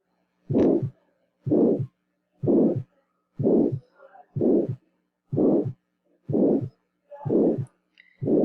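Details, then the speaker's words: Aortic stenosis in a teaching recording: regular heartbeat near 62 a minute with a blowing mid-systolic ejection murmur; distinct S1 and S2 are still clearly heard. "vean estenosis aórtica quien digo yo muy bien es un soplo sistólico y lo vamos a escuchar en la mitad de la sístole"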